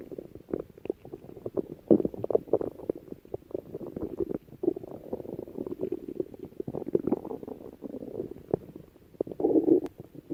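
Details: Stomach growling: bowel sounds (borborygmi).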